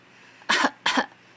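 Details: Boy coughing on demand: two short, dry, deliberately produced coughs on request, not from illness.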